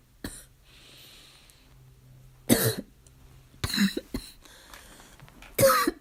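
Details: A child's coughing fit of about five harsh, abrupt coughs with a barking, seal-like quality; barking cough.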